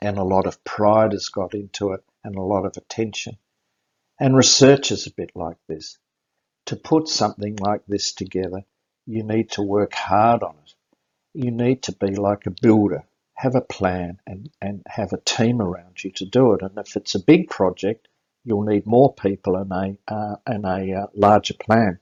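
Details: Adult male speaker; normal speech.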